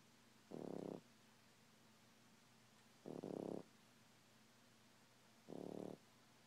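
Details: Three soft, low snores about 2.5 seconds apart, about 24 breaths a minute, from a young French Bulldog napping in a quiet room; snoring.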